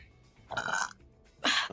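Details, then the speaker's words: Female VTuber streamer gives a short, croaking belch and a brief, louder second burst; ordinary burping. "Excuse me. Thank you, Nico. I'm going to burp."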